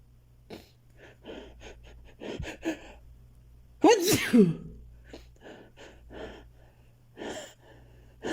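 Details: Person with an urge to sneeze a lot: many quick sniffs and catching breaths build to one loud sneeze, followed by more short sniffs; repeated sneezing.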